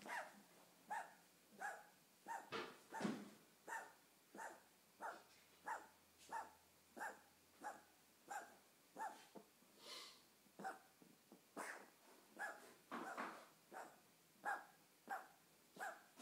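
A dog gives a long run of short, honking coughs, roughly one every two-thirds of a second.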